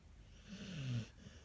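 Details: Sleeping dog snoring loudly: a single low, buzzing snore on one breath.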